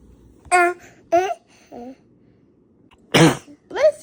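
Short infant vocal sounds, then one sharp explosive sneeze followed by a small cry-like sound; an ordinary baby sneeze.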